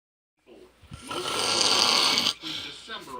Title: My husband snores so loud part 4